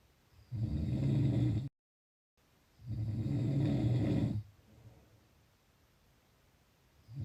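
Two long, low, rumbling breath sounds with a pause between them, typical of snoring.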